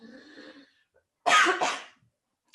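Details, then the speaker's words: Adult with mold-related environmental illness (CIRS): a faint, whistling wheezy breath followed by two sharp, harsh coughs in quick succession. "I didn't go mute cuz I want you all to hear the wheezing and the coughing. Like that's that's part of the whole mold experience for me."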